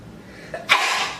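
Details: Young woman with suspected hay fever or allergies: a brief in-breath followed by one sharp, hissing burst of air; a single sneeze.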